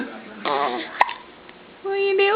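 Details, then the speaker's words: A 5-day-old baby boy gives a single sharp, short hiccup amid soft baby vocal sounds and an adult voice: hiccups. "hi sawyer do you have the hiccups honey do you have the hiccups honey oh silly hiccups those silly hiccups honey"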